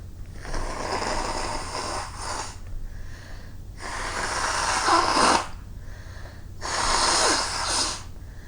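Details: Three long, loud, hissing nasal sneezes with quieter breaths between, possibly with nose blowing, just after clearing snow from the sidewalk in winter; the person says their nose is running and needs to blow it.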